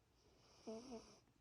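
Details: A resting dog snoring with her eyes open, which she does every night before going to sleep: a single short, buzzy, low-pitched breath noise.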